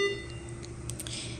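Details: Short electronic beep over a steady machine hum as an anesthesia machine's ventilator is started, set up with a test lung for a mechanical ventilation demonstration.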